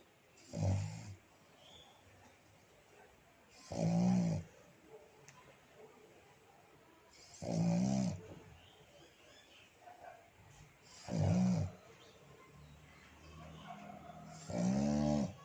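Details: Black pug dog sleeping with his owner: regular low rumbling snoring bursts, about 17 breaths a minute, with quiet pauses between; snoring.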